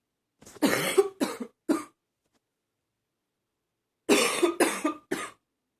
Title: #40 Coughing... mostly barking